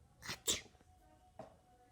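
A quick two-part sneeze, a short intake then a sharp burst, followed by a faint tail sound.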